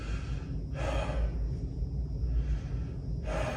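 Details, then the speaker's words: During a pulmonary exam, the patient is asked for deep breaths in and out through the mouth with the stethoscope on bare skin; two loud, airy breaths separated by a pause over low room hum; deep mouth breathing. "so Sor I need to take some deep breaths in and out through your mouth if you get laded please let me know great keep going for me"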